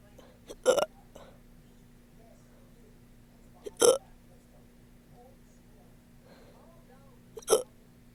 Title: woke up with these lmfaoo #hiccups #funnyshorts #hiccupburps